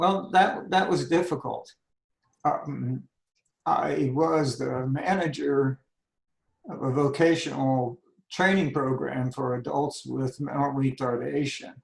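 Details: Adult man with spasmodic dysphonia that began at age 51, managed without Botox; spasmodic dysphonia.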